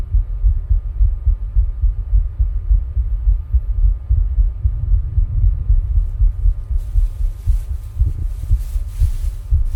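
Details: Own heart sounds recorded with ECG while rebreathing into a plastic bag: dull, muffled, somewhat uneven thumping at about 107 beats a minute, partly buried in rumbling noise.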